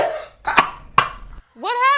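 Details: A presenter is interrupted by coughing while recording a campus news spotlight segment, in a blooper.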